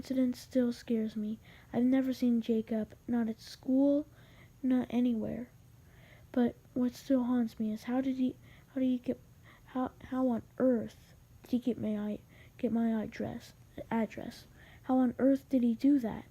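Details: Male narrator who says he has a little stutter; stuttering.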